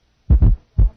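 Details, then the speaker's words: Fourth heart sound (S4) with the stethoscope bell lightly held, then pressed firmly so the S4 disappears; simulated heartbeat with a soft low thud just before S1. "listen now to a heart with an s4 with a bell lightly held then pressure will be put on the bell"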